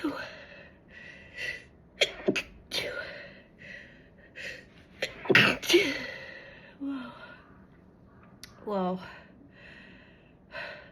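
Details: Several sharp sneezes with gasping inhalations and vocal sounds between them; ordinary sneezing.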